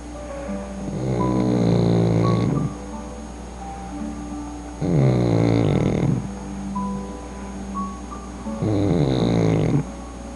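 Loud, rattling snores on each breath, about three in ten seconds, over background music; snoring in a flat-faced puppy.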